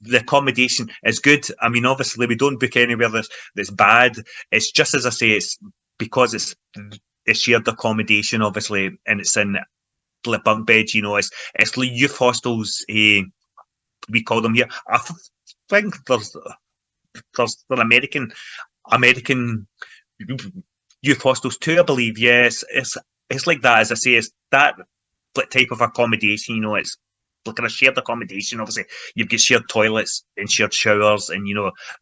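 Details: Adult man involved in stammering self-help groups for over 25 years, in everyday conversational speech; stuttering (stammering).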